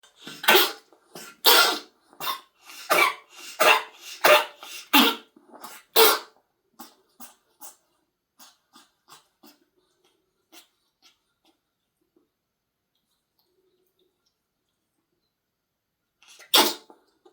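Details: A pet gives a run of about ten harsh, dry, hacking coughs fading into softer ones, then one more; coughing fit.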